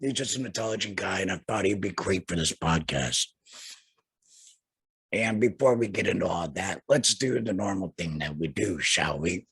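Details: Man who had a total laryngectomy in 2020 and speaks without a larynx; alaryngeal speech after total laryngectomy.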